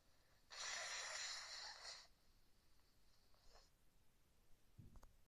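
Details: Adult with a cold, caught from cold office air conditioning after going to work with wet hair, sneezing repeatedly: a long, hissing nasal blast of air followed by a softer breath; sneeze.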